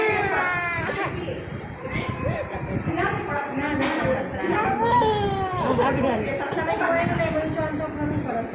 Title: cute baby girl crying for injection ll